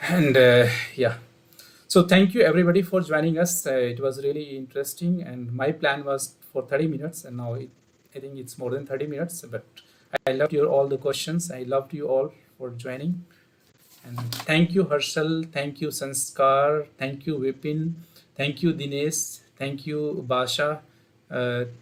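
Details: Adult man speaking; Typical adult male speech.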